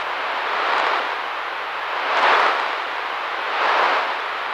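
Steady, low, ocean-like rushing noise that swells and fades about 40 times a minute. This is a simulation of roaring-type tinnitus, a low-pitched noise heard in the ear that sometimes pulses along with the heartbeat.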